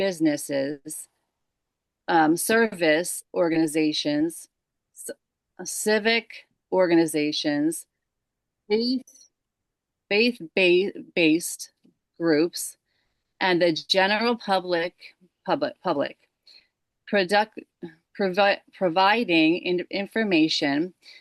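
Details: Woman with aphasia since December 2022 after a stroke from moyamoya disease at age 37, left side affected first; aphasia.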